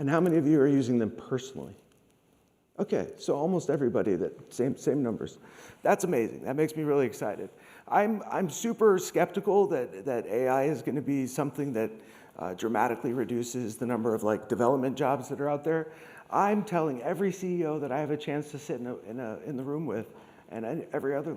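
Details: Adult man with degenerative, permanent neurological spasmodic dysphonia caused by long COVID, once reduced to a whisper, treated with Botox injections into the vocal cords, speech therapy and laryngeal manipulation; spasmodic dysphonia.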